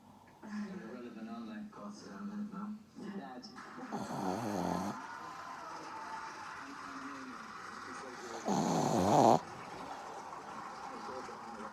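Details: Shih Tzu asleep: snuffly, rattling snores with a couple of louder snorting breaths over soft room noise; snoring.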